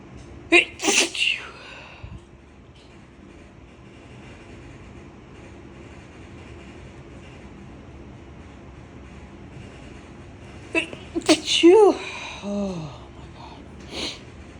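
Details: Repeated ragweed allergy sneezing from someone stuffy since waking, with watering eyes after sneezing a lot the day before: several sharp, explosive sneezes in two clusters over a quiet background hum.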